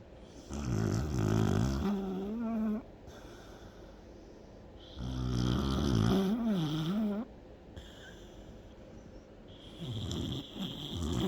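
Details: Loud, rattling snores on each breath in, about every four to five seconds, with quieter breathing between; snoring in a sleeping dog.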